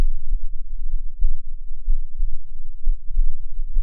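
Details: A person's own heartbeat recorded with a binaural microphone, with the recording noted as poor quality, gives muffled, regular low thumps at about 65 a minute over a steady low hum. Normal heart sounds.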